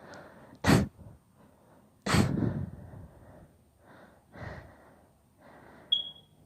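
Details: Two sharp sneezes, each preceded by an in-breath, then softer breathing and gasps, within a long deliberately induced sneezing fit; sneezing fit.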